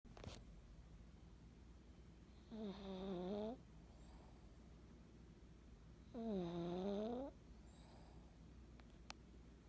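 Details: During an afternoon nap: two tonal, buzzing snores about three seconds apart in a quiet room, roughly 16 a minute; ordinary snoring.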